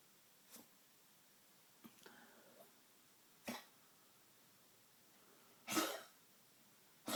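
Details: Tracheal cough in a Maltese over 13 years old with degenerative valve disease (murmur, enlarged heart, leaky valve): a few sharp, dry, honking cough bursts spaced by quiet. The cardiologist says the cough is not cardiac, unlike a congestive heart failure cough.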